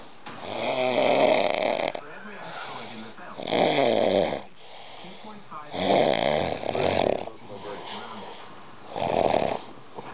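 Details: A man's loud, rough snores on each in-breath, four across ten seconds, with quieter breathing between; ordinary snoring.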